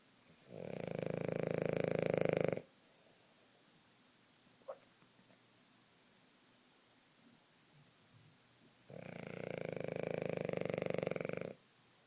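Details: Hazel, a little girl (female), snoring while napping: two long, loud rattling snores about six seconds apart, with quiet pauses between them.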